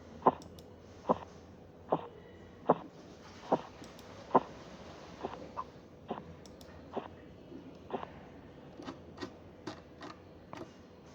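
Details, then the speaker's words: Korotkoff sounds from a recorded blood pressure listening exercise, likely on a mercury sphygmomanometer: regular soft taps about 72 a minute fading as the cuff deflates, marking a normal pressure of 118/72 mmHg. "el nivel de presión de este paciente registrado es de 118,72 milímetros de mercurio su respuesta debe haber estado entre 116 120 de sistólica entre 70 y 74"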